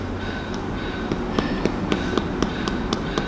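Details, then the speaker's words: OSCE abdominal exam of a 30-year-old man: percussion over the splenic area between the right anterior axillary line and costal arch gives a tympanic note, normal, meaning no splenic enlargement. "Di sini didapatkan hasil adanya suara timpani, artinya tidak ada pembesaran lien."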